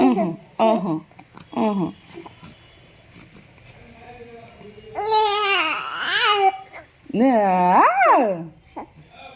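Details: Baby almost 2 months old cooing and babbling: short vowel-like coos and longer rising, gliding voiced sounds; ordinary early cooing, normal for this age.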